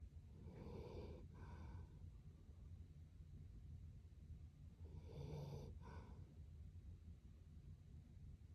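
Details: Two loud, rough, snorting breaths during sleep against steady low background noise, described as surprisingly loud; snoring.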